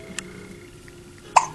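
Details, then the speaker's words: Person with hiccups: two abrupt, brief hiccup sounds about a second apart over faint background music; hiccups. "hiccups let see that tummy you're going to be on YouTube for hiccups yes for nothing more than hiccups"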